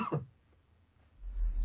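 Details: Cough in an elderly man, acted in a tuberculosis-awareness scenario: a cough lasting three weeks, with a test for tuberculosis recommended.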